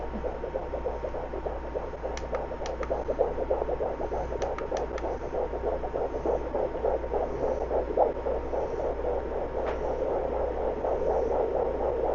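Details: Fetal puppy heartbeat on Doppler in a pregnant solid black German Shepherd preparing for labor: rapid, regular whooshing beats, measured at 202–204 per minute, described as healthy; the puppy moves during recording.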